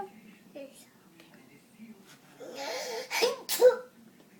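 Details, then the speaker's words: Child asked to sneeze on request: quiet breaths and a soft voice, then two quick explosive sneezes close together at the end; sneezing. "can you sneeze? Good one. Good sneeze. One more? You have any more sneezes?"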